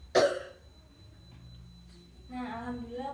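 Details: Nursing student practice demonstration of effective coughing in an asthma patient: after a deep breath in, a hold and a count, a single forceful directed cough, then a soft voiced sound.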